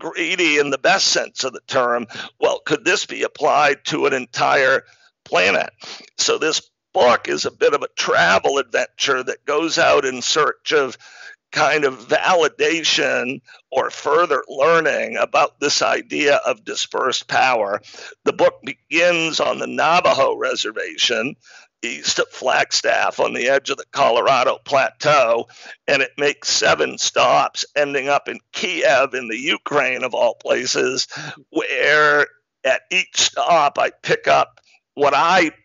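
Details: Man with spasmodic dysphonia, a rare neurological speaking disorder causing partial voice loss, with onset around 2010 and diagnosis in 2012; much improved over about a decade but still present; real speech showing spasmodic dysphonia.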